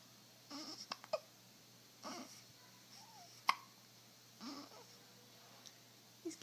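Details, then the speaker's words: Soft, irregular hiccup-like jerks with small clicks in a quiet room, several over a few seconds, from a pet named Chase; owner wonders if he ate too much; hiccups. "it's got the hiccup ok you did you eat too much did you eat too much little chase"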